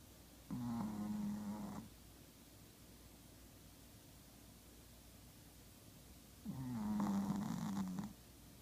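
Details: Sleeping Chihuahua, described as a little puppy, gives two long, low, buzzing snores with quiet pauses, about ten breaths a minute; ordinary snoring.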